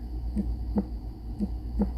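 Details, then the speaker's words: Healthy adult woman's normal heartbeat via stethoscope on chest: steady lub-dub at about 58 beats a minute, sounding great. "That's what I'm hearing too. Her heart sounds great."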